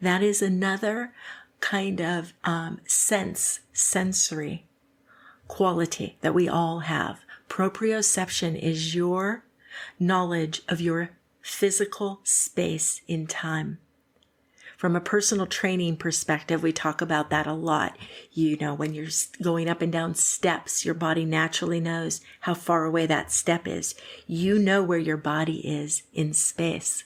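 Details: Adult woman speaking; typical speech.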